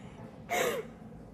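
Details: Simulated ASMR chiropractor role-play: a single sharp, breathy intake of breath with a voiced edge during pressing, an acted gasp rather than a real one.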